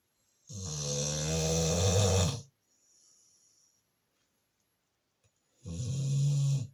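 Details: Pitbull named Diva snoring while asleep: two deep, loud, rumbling snores with a soft sigh between them.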